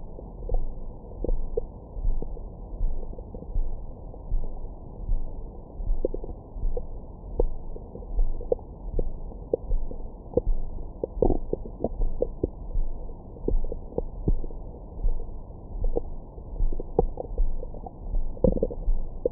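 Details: Abdomen recorded with a Stemoscope stethoscope microphone after a large meal: muffled low gurgles with scattered squeaks and pops over a soft rhythmic whoosh, stomach growling bowel sounds.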